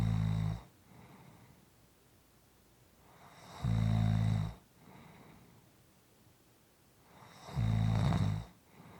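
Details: Soft, quiet snoring during sleep: low, buzzing snores about every four seconds, with quiet breathing out between them.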